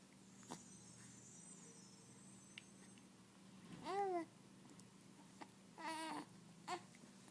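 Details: An 11-week-old baby boy gives a soft coo, then a brief sharp sneeze-like burst with a small squeak after, against faint room noise; an infant sneeze.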